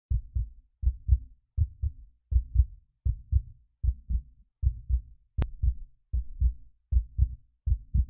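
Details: Heartbeat: steady paired lub-dub heart sounds at about 80 beats a minute, with one brief click partway through.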